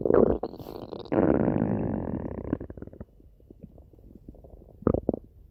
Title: stomach growling